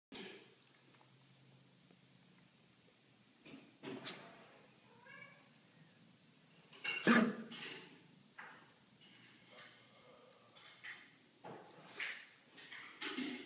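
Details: Cat coughing at night: several short, harsh, breathy hacking bursts in a quiet room, recorded 11/7/13.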